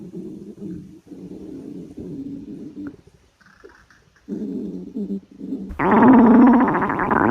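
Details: Staged scene of a hungry girl on a diet: low rumbling and gurgling stomach growls ending in a louder burst.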